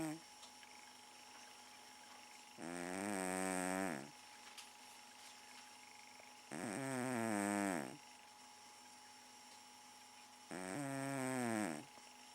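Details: Garfield the cat, sleeping in the living room, with three drawn-out, whistling, tonal snores, about 15 a minute, steady room hum between; often snores all night long.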